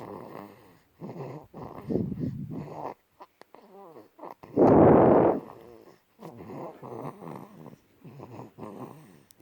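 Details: A sleeping infant, fed and bathed beforehand, snores lightly with soft, rhythmic rattling breaths and one louder snort midway.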